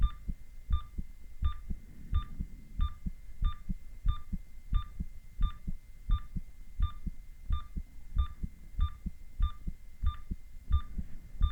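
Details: Adult male heart heard with ECG monitoring: steady, regular low heartbeat thumps at about 87 beats a minute, each paired with a soft monitor beep, over a faint hum.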